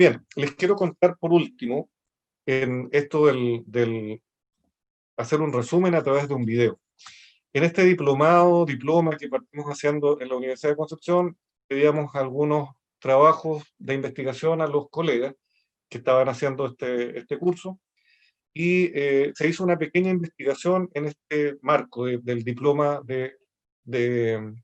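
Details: Adult male speaker; normal speech.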